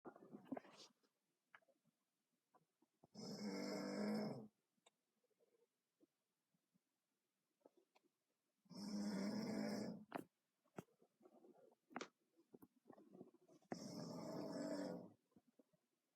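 Three loud, rough, rattling breaths about 5 seconds apart, roughly 11 a minute, with quiet gaps between: snoring.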